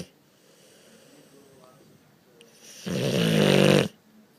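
A quiet room, then one loud, rough, rattling snore of about a second on the inward breath from a sleeping dog.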